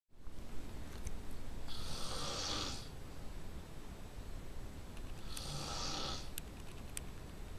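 Two airy, rough breath sounds a few seconds apart over steady room noise, consistent with soft snoring.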